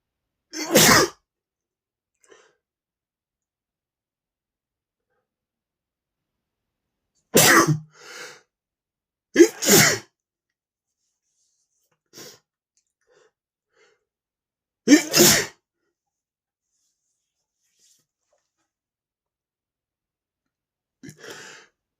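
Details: Adult male sneezing from room dust and flower pollen: four loud, sharp sneezes spaced several seconds apart, with brief sniffs and a softer final burst.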